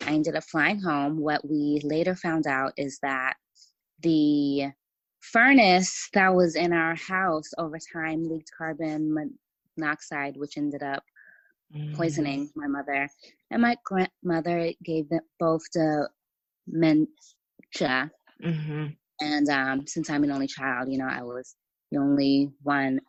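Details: Stuttering in an adult woman writer from Los Angeles who says she has a stutter that listeners may hear.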